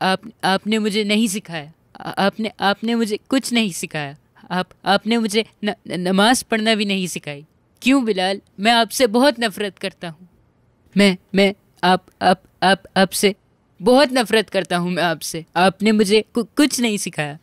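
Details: Acted stuttering by a boy in a film, attempting the call to prayer with repeated syllables and words; stuttering.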